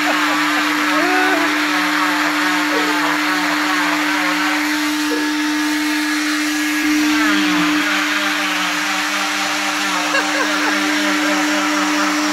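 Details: Oscillating cast saw cutting through a leg cast during removal: steady high buzzing whine with faint voices behind.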